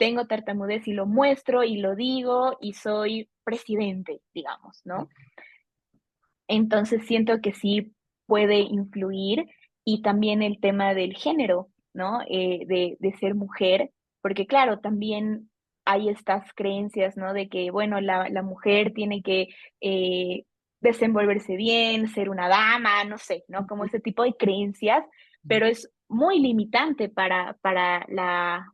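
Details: Adult woman, a Bolivian speech therapist specializing in stuttering, who has stuttered since age 4 and noticed it around ages 5–7; stuttering.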